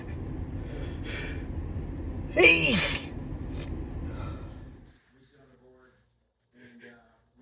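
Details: Sneeze from a compilation of sneezes during a cold: a single sharp sneeze with a voiced, falling 'choo' over steady background hiss, then quiet.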